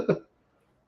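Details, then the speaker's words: Adult woman, a guest artist on a live stream, sneezes: a single tiny, high, squeaky sneeze, quick and soft like a cartoon mouse, then silence; sneeze. "that is the cutest sze I've ever heard that sounds like a cartoon mouse sneezing oh my God"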